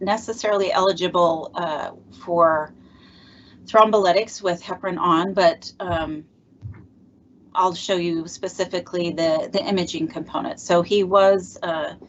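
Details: Adult speaker; normal speech.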